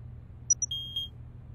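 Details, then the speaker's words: Cartoon digital oral thermometer held under a child's tongue during a checkup before a shot: a few short, high electronic beeps over faint room hum signalling the reading is done. "now I will take your temperature open your mouth okay close now keep this under your tongue and hold still until you hear the beep"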